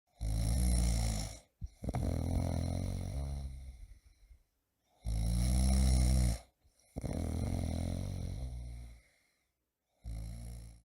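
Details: Snoring heard in an advertisement for an anti-snoring, bruxism and apnea mouthguard: snoring.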